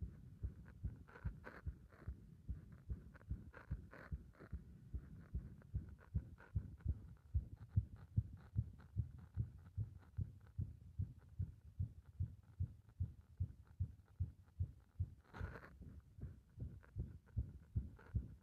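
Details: Heart under compression: rapid, fairly steady low heart thumps with occasional uneven spacing, stumbling beats; irregular heartbeat with skipped beats.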